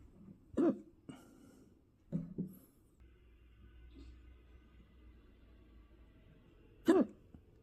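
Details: Person with hiccups lasting all day, trying a trick to stop them: several short, abrupt voiced catches at irregular intervals in a quiet room.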